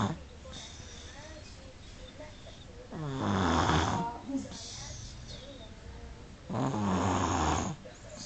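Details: 18-month-old baby snoring: two loud, rattling snores on inhalation with quieter breathing between.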